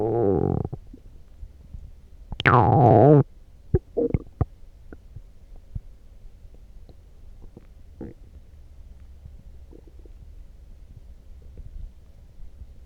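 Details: Loud stomach growling after drinking coffee: gurgling, rumbling bowel sounds with a few short pops, then quiet; normal borborygmi.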